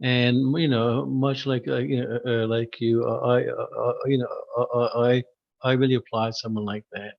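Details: Adult who stutters, formerly severe and covert stuttering with secondary characteristics; repeated words heard; stuttering.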